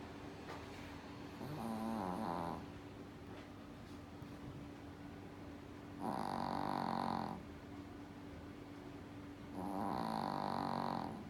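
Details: Sleeping dog; rough, fluttering breathing sounds repeat every four seconds or so over a steady background hum: snoring.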